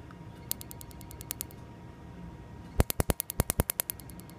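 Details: PicoSure picosecond laser tattoo removal on a male patient, 3 mm spot size: bursts of sharp rapid snapping clicks over faint room hum as laser pulses fire during treatment.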